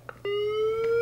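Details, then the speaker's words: LifePak 12 monitor on a simulator, synchronized cardioversion at 100 joules for SVT: a steady, slowly rising electronic whine as the defibrillator charges. "Okay, now here's the charge. Here it comes. Here's the"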